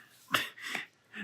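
Two soft, snorting breaths from a sleeping dog in a quiet room: ordinary snoring.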